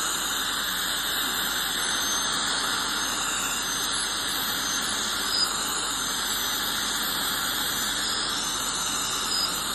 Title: Dental Scaling Clean Airflow Dental Hygiene 2